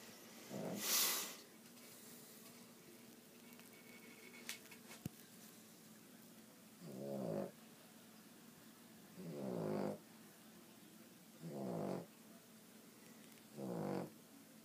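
Short, soft, buzzing snores come about every two to three seconds after an opening snort. Light snoring in a sleeping animal.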